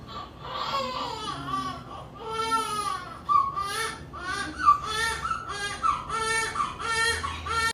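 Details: Newborn's vigorous cry right at delivery after a normal pregnancy and labor: strong, repeated rhythmic wailing with brief breaths between.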